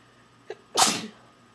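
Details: Adult female sneezing after sniffing pepper that irritated the nose, nose burning afterwards: a short indrawn breath, then one loud, hissing sneeze; a normal sneeze.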